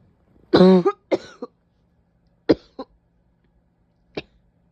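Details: Harsh, hoarse, painful barking coughs with a voiced, strained quality, in single bursts and a quick pair, alongside a couple of sneezes; a barking cough.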